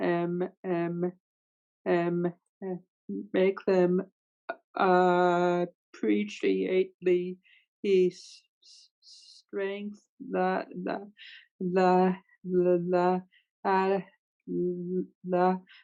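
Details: Adult woman who stutters, with sound and part-word repetitions: stuttering.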